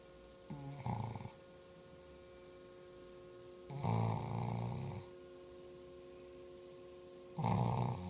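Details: Fast asleep and snoring: low, rough snores at about 17 breaths a minute, with a steady background hum and quiet between breaths.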